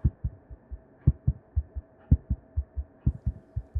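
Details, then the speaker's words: Simulated heart sounds of a sick patient whose stiff heart is failing: triple beats about 58 cycles a minute, a gallop rhythm likened to a galloping horse or steam train. "sometimes a stiff heart starts failing and you get a gallop rhythm this patient is sick obviously named after a galloping horse but always reminded me of a steam train"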